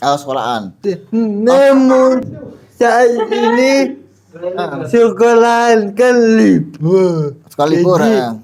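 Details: Adult Indonesian speaker with cerebral palsy disability and intact thinking; dysarthric speech in cerebral palsy.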